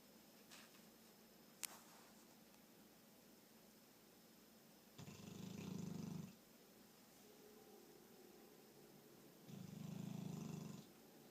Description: 6 month English mastiff snoring